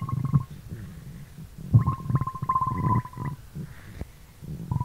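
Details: Stomach growling recorded for ASMR from a livestream: low gurgling rumbles with a squeaky, whining growl from the abdomen; borborygmi.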